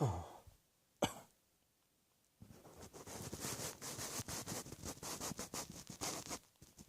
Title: Cross Dressing Coughing 65